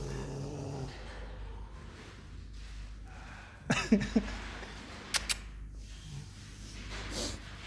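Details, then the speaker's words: French bulldog, a brachycephalic breed, making snoring and snorting upper-airway noises. "Hey. I love it when you snore like that, you know?"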